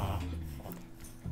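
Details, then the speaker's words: Brief low snorting pulses from Daisy, a pet dog, which the owner calls a weird sound like inverse sneezing or phlegm in the throat; reverse sneezing. "you hear that that's my dog Daisy you okay she makes that weird sound they say it's like inverse sneezing is what they can you hear that yeah it's like something I feel her it's like that that phlegm that thing that gets in your throat"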